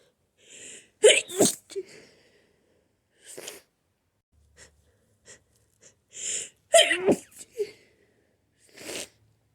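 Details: Person with a cold: gasping build-up breaths followed by forceful, explosive sneezes, repeated in two bouts.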